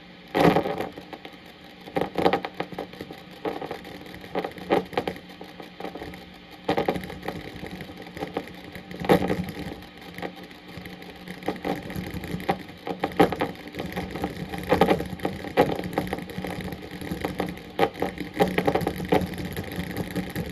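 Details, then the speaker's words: Needle EMG from a single muscle with a tremor (not dystonic): crackling static swells into grouped bursts recurring in a rhythmic pattern, tremor discharges. "So what you heard there, you heard uh a singular well the needles within a singular muscle but you can kind of get the gestalt the the grouping of that muscle contracting uh together but in a rhythmic pattern."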